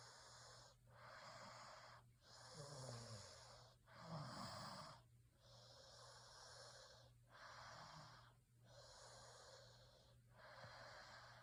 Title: Snoring sounds Sleep 🛌 well